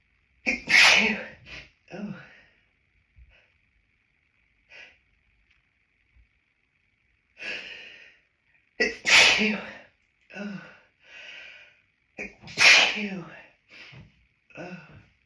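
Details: Adult with hay fever, after stifling sneezes outdoors, hiding in a toilet cubicle: three loud sneezes, each preceded by catching breaths and followed by sniffs, a sneezing fit.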